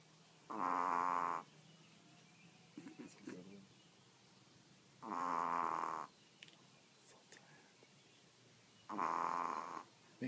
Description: This Yorkie sleeps on command and snores LOUD!